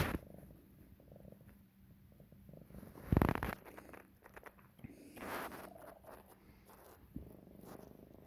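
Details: Cat with throat tumors on X-ray, thyroid and kidneys normal; owner suspects throat infection, cat herpes or asthma. She swallows constantly, and her soft rumbling purr breaks into harsh bursts and rough, irregular breathing: wheezing and coughing while purring.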